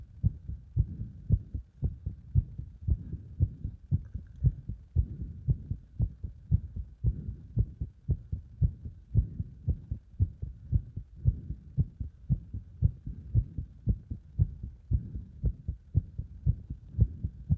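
Fast, regular lub-dub heart sounds at about 115 beats a minute, recorded under exercise load.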